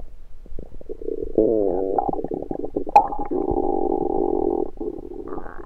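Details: Rumbling stomach recorded over the abdomen with a USB stethoscope: gurgling, bubbling rumbles of varying pitch with one sharp click; ordinary active bowel sounds.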